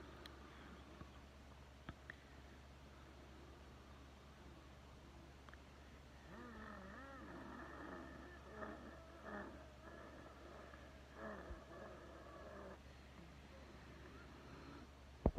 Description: My wheezing sounds crazy !!